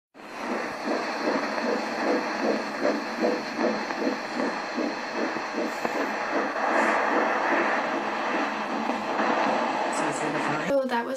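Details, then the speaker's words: Fetal heartbeat on Doppler in early pregnancy, recorded the week before 15 weeks, measured at 148 beats per minute: fast, rhythmic whooshing pulses. "just last week we heard the heartbeat and it was 148 beats per minute and i will insert the video right now"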